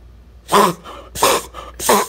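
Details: Beagle making three quick, harsh, snorting pulls of air through the nose, fitting reverse sneezing.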